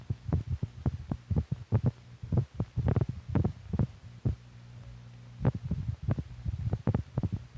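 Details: Heart sounds from a 1950s(?) teaching film for doctors that records heartbeats alongside the heart's physical motion.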